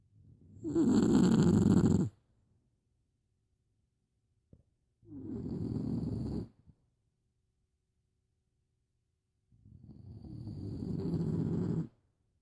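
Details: Snoring during sleep: rough, fluttering snores on slow breaths, three in about twelve seconds with long silent gaps.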